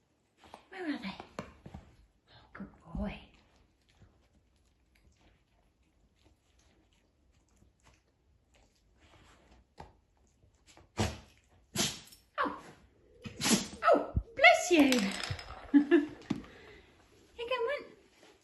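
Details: Rescue dog sniffing a snuffle toy for biscuits: sniffing and snuffling with sharp nasal bursts, including one enormous forceful sneeze, amid rustling and chewing; dog sneezing.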